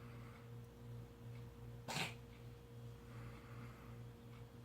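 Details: A single sharp sneeze from a cat while eating wet food; it sneezes and coughs when eating, later found to have a nickel-sized hole in the back-of-throat soft tissue through to the sinus cavity, surgically closed.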